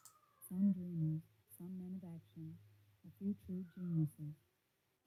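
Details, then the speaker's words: Simulated bilateral moderate-to-severe sensorineural hearing loss from otosclerosis, left ear: a female voice reading a passage sounds heavily muffled and faint, with lost consonants. The left side is much quieter than the right, and its clarity is more impaired. "so for the left side A lot quieter than the right and especially the clarity the clarity is a lot more impacted on the left than it is on the right"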